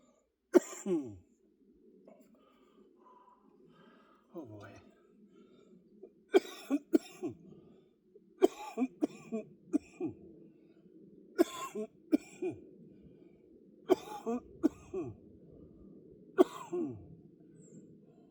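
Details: Productive cough during shoulder workout with push presses; he says mucus is somewhere in his airway or upper lungs, with wheezing afterward.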